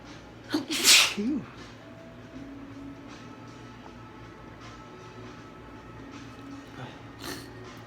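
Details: One loud sneeze with a quick in-breath, muffled into a handkerchief and followed by a sniff, during spring allergies; soft music plays throughout.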